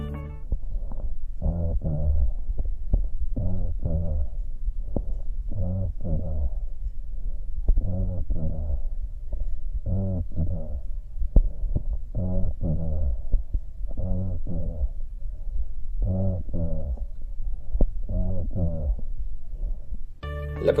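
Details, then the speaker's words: Bronchophony: spoken words heard through a stethoscope come across loud and distinct, as the whole frequency spectrum of the voice is transmitted, which occurs in lung consolidation or atelectasis. "Broncofonía. En condensación o ateleectasia se transmite todo el espectro de frecuencias y la voz se ausculta con claridad."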